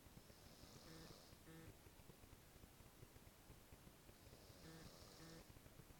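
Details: Woman snoring asleep: two quiet, low buzzing snores with an airy hiss, about four seconds apart, roughly fifteen breaths a minute; ordinary snoring.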